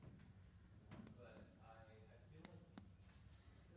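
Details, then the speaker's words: Patient lying supine with knees bent. Several soft finger taps over the lower left abdominal quadrant give a normal hollow abdominal percussion note over the colon. "in the upper right, you want to percuss for the liver. And you want to hear a dull sound, a dull echo, or a hollow sound."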